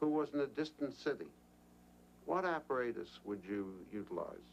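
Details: Adult male clinician; normal speech.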